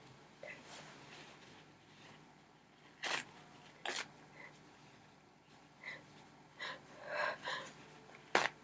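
Several short, sharp bursts of air separated by quiet breaths, a run of repeated sneezes in a small room.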